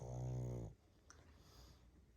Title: Snoring pug